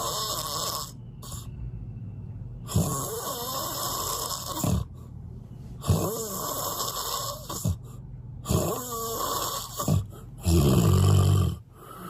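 Very loud, rough snores recur in a steady rhythm of deep rattling inhalations, with room noise in the background; heavy snoring.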